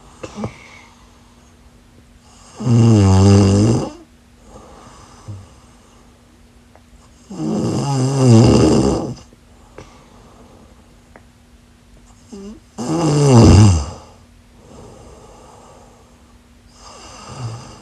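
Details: A person heavily snoring in sleep: loud, deep, vibrating snores on each inhalation, about three in 18 seconds, over a steady low hum.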